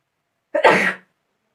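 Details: A single sharp, explosive sneeze, about half a second long, in a quiet room, deliberately induced with a toothpick.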